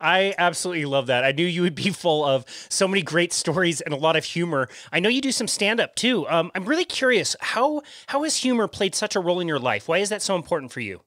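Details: Adult speaker; Ordinary speech.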